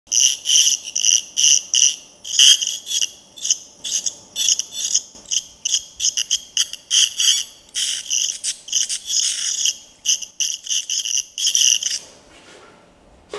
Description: Ultrasonic scaler (SATELEC - Suprasson Newtron) used in a dental practice in Brussels.